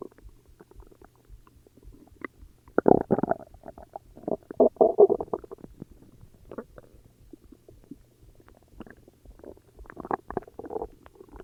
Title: More stomach growls UwU